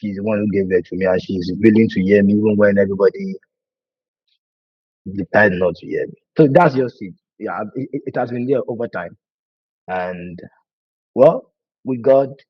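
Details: Adult man who has stammered for over 20 years, worse with nervousness and fear, with a family history (brother and sister also stammer); stuttering.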